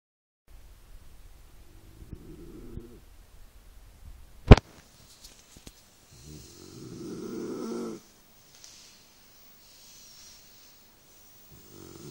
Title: Bullmastif snoring Mash